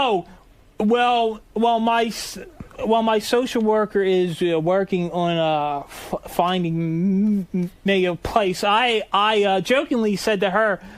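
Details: Adult man who stutters, saying his stutter comes in ebbs and flows; stuttering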